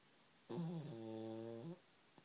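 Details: Sleeping pug snoring: one drawn-out, tonal, humming breath lasting over a second in a quiet room; snoring.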